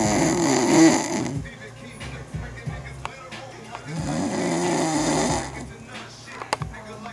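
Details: A French bulldog snoring: two loud, harsh, rattling snores a few seconds apart, with faint music in the background.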